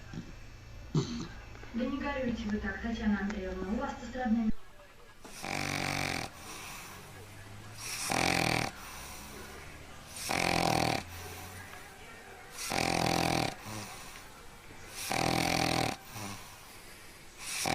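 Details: Sleeping golden retriever, possibly a puppy, snoring in regular raspy bursts about every two and a half seconds, after a brief whiny vocal sound at the start.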